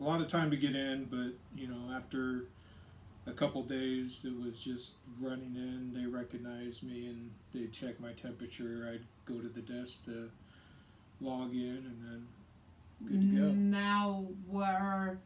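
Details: Adult man speaking; Normal speech.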